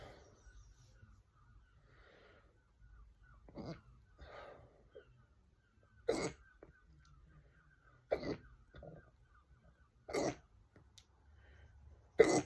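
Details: Deliberately induced hiccups: short, sharp gulping bursts repeating about every two seconds over a faint steady background tone; hiccups.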